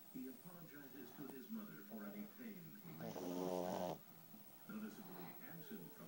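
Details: Dog named Miko sleeping, loud rough snoring and snorting like a bear, with one long loud snore in the middle.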